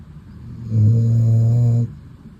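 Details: Adorable snores from a pet dog sleeping snuggled on the owner's lap; dog snoring.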